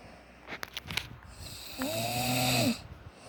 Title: Snore pa more